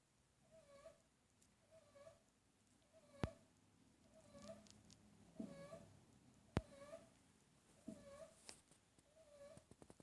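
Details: A sleeping cat snoring loudly: soft, rhythmic squeaky whistles recur with each breath, with a few sharp clicks in the room.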